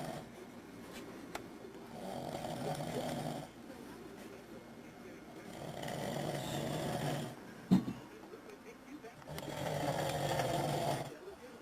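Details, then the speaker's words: A sleeping father snores slowly and regularly, about 16 a minute: rough, drawn-out noisy breaths with quiet gaps between, in a quiet room; loud snoring. "we are going to record Dad snoring on Silly Willie's News."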